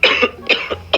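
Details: Three short, harsh cough bursts from an adult in a small room; an acted cough performed as a coughing-blood prank.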